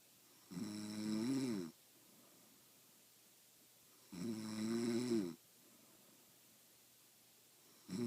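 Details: Female friend who denies snoring, recorded asleep: loud, droning snores with each breath in, roughly 16 breaths a minute, with quiet pauses between.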